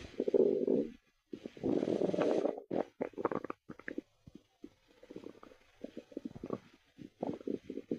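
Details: Gurgling, bubbling rumbles followed by a run of soft irregular pops and squelches, heard listening to a person's stomach; ordinary stomach growling, bowel sounds.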